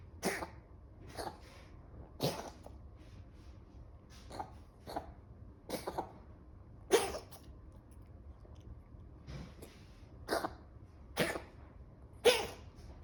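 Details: Pet animal gives about a dozen short, harsh cough bursts in a row with quiet gaps between: coughing.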